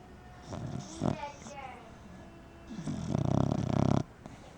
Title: Sleeping Snoring Dog